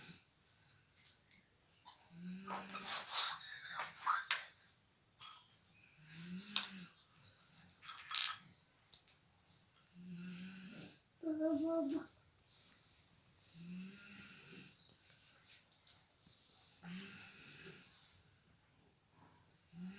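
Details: Soft rhythmic snoring from a sleeping mother, about six snores, with her baby babbling and squealing while playing nearby in a quiet room.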